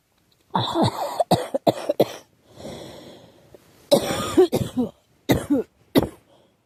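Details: Girl who thinks she is getting a cold, with a scratchy, sore throat: several bursts of short dry coughs with throat clearing. Cough with a common cold.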